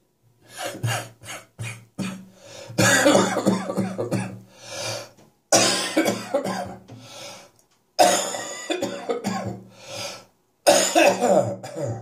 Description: My chest infection is on the way out now, but it has left me with plenty of catarrh in the mornings.